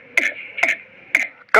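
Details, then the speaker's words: Possible whooping cough (pertussis), especially in children: four quick, harsh coughs in close succession with a high strained tone between, a nonstop choking fit with gasping for breath. "ganito ang ubo ng inyong mga mahal sa buhay lalo na mga bata sa pamilya yung walang tigil at parang nabibilaukan na at naghahabol ng hininga"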